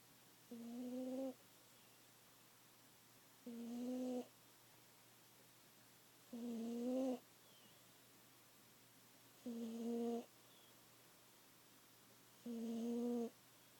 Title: Cat snoring very loudly